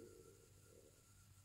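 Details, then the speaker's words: Stomach rumble (borborygmi) from an adult: a faint, low gurgling rumble, the ordinary sound of gas and fluid moving through the gut. "you hear that that was my stomach"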